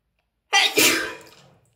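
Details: Woman with a cold, feeling freezing, has a sneezing attack in a warm bath: a single sharp sneeze with quick intake and explosive burst that fades, in a small echoing room.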